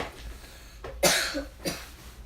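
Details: Cough: two short, harsh coughs over faint room noise.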